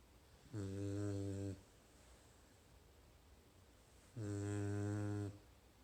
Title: Snoring Dog